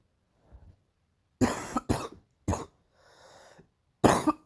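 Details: Morning coughing bout described as really painful: four harsh, forceful coughs with a brief rasping breath in between.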